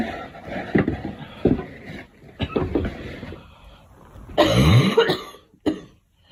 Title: Girl Coughing 343